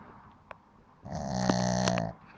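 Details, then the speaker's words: A small male dog asleep after a working day gives one drawn-out, buzzing, whistly snore of about a second; typical canine snoring. "вот так да вот так умеет храпеть"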